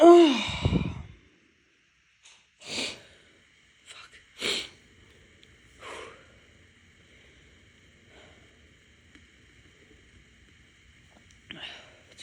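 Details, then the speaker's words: Ragweed allergy sneezing from someone stuffy since waking, with watering eyes after sneezing a lot the day before: one loud sneeze, then several short, sharp sniffs and snorts through the nose. "ragweed time. I've been sneezing a lot yesterday, and I woke up this morning stuffy, and took my dogs out."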